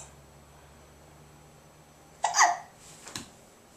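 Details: 9-month-old girl who has been crawling for a while: quiet room, then one abrupt voiced catch followed by a smaller click about a second later; hiccups.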